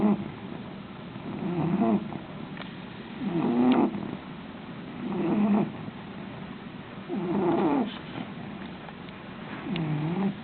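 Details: Soft, rhythmic snoring with a light purring buzz on each breath, about five snores in ten seconds, over faint background hiss: snoring.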